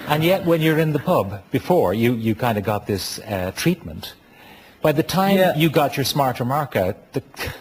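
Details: Adult male speaker; no speech disorder.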